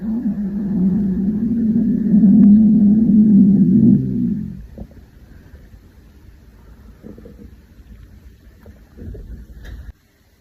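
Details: Hungry girl's stomach growling: a long, deep rolling growl lasting about four seconds, then fainter gurgles; borborygmi from hunger.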